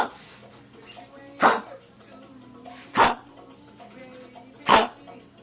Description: This is a milder episode of what Sarge is going through. Imagine thisx4, and 2 hours long.